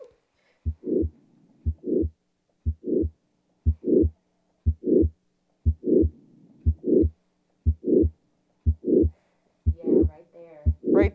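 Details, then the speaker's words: Mitral valve prolapse murmur on the Harvey cardiology simulator mannequin, which also simulates breathing: a regular heartbeat at about 60 a minute with a soft whooshing flow sound in systole, demonstrated by a student at auscultation points. "now let's go to our case so we had mitral valve prolapse let's see how it sounds different and turn to those normal"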